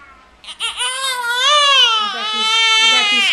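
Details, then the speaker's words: Cranky baby girl crying although already fed and changed: loud, sustained, rising and wavering infant cry with strong clear voicing, an ordinary crying spell. "what her crying baby's cry what are you crying about what you crying for you're all fed"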